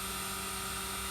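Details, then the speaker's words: Steady loud whirring motor hum with a hissing roar: suction machine used for endoscopic ear wax removal, recorded with the phone placed where the patient sits, noisy at about hair-dryer level. "I'm hoping you can hear that thatu machine and now that's not that's the machine itself obviously"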